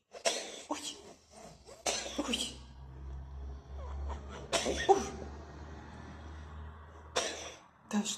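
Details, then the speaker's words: A cat coughing in a series of short, harsh bursts after drinking too much water and getting it up its nose, which happens regularly. "Кто кашляет? Это у нас всегда происходит, когда Жуля слишком много воды пьет, и она в нос попадает."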